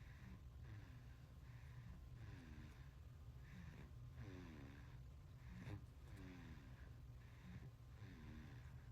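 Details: Short nasal snorts and snuffly snores with each breath over steady low background noise from a sleeping 5-month-old baby; noisy nasal breathing, snorting.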